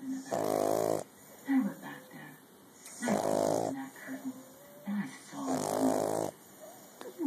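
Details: Snoring from a baby Bulldog puppy sleeping on a lap: loud, buzzing snores at about 24 a minute with softer snorts between them.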